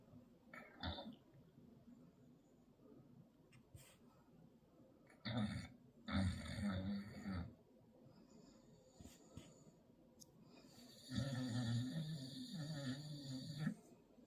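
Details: A pit bull/bulldog puppy snoring while trying to sleep: irregular bursts of low, rattling snoring and snorting breaths with quiet stretches between them.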